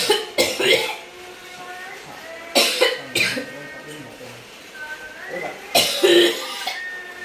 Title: Batuk sampe hoek